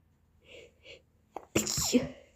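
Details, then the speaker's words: Person with a common cold caught the day before, sneezing constantly: two quick catching in-breaths, then a forceful explosive sneeze with a voiced tail; sneezing. "my nose is so annoying I'm sneezing the whole time um so I'm going to show you some sneezes of mine"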